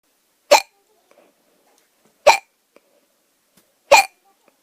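Three sharp, abrupt hiccup sounds in a quiet room, roughly 36 a minute; ordinary hiccups.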